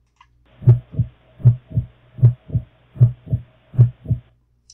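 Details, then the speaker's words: Normal heart sounds: steady lub-dub at about 77 beats a minute, louder first sound (lub) then softer second (dub), heard as a teaching example of atrioventricular valve sounds. "so that larger louder noise is the L and that's when the valves are opening"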